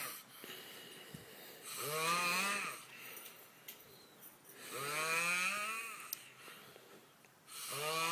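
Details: Adult man snoring: slow, rattling, tonal snores on each breath, about three in eight seconds, with quiet pauses between them.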